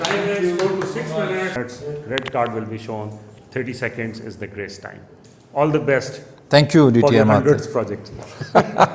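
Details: Adult male speaker in a hall; normal speech.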